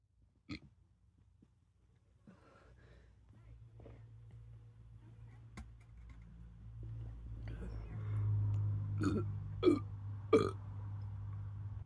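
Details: Young male burping: quieter belching and throat sounds, then a few loud, deep burps near the end, so forceful he seems close to vomiting, over a steady low room hum.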